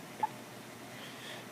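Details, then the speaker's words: Hiccups in a six-day-old baby boy just after a big feed: a single brief, sharp hiccup against quiet room noise. "hiccups, buddy. You get hiccups, big guy."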